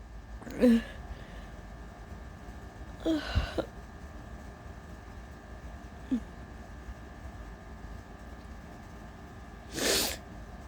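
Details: Person with allergies, not a cold, but feverish, shivering and exhausted, trying to hold back sneezes: several short breathy bursts and catches, ending in one full sneeze, over steady room hum.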